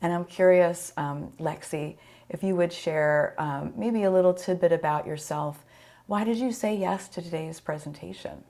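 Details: Adult woman speaking; Normal speech.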